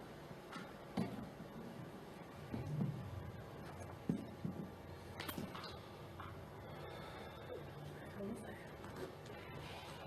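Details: 17-year-old female who stutters, recorded on the first night of a stuttering therapy course before treatment; she struggled greatly on her name; stuttering with blocks.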